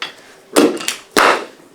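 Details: Two sharp knocking impacts from an adjusting board during a Gonstead chiropractic ankle adjustment, bilateral talus medial tilt.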